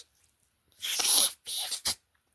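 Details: Person deliberately holding back sneezes, reporting strong, itchy urges: three hushed, hissing bursts of air in quick succession, typical of stifled sneezes with the mouth closed; sneezing.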